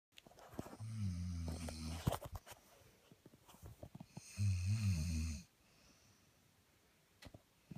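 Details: Snoring: two loud, deep, rattling snores about three seconds apart, with quiet breathing and faint room noise between them.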